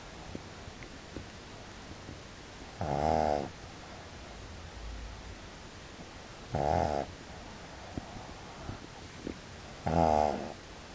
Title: Puggy Snoring